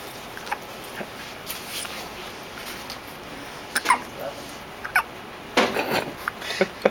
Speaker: There's your synchronized hiccups.